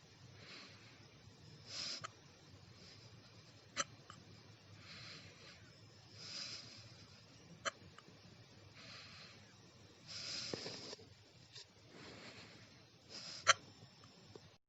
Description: I was eating my breakfast, when i got the hiccups. And now, i am hiccuping for 3 hours!